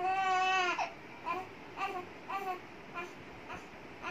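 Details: Infant cry from a baby boy: one long wail followed by a series of shorter, softer sobbing bursts.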